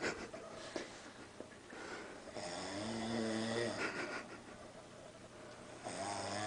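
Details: Dad snoring while napping with his 4-month-old baby: loud, rough, buzzing breath sounds with a droning tone rising and falling against room noise.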